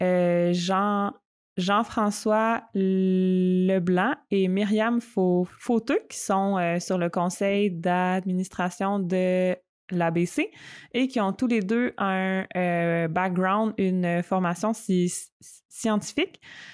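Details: Stuttering in an adult woman who stutters, speaking spontaneously in French in a podcast conversation.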